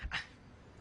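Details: Acted, dramatized film scene of a character with Tourette syndrome whose tics are described as barking; vocal tic (Tourette syndrome).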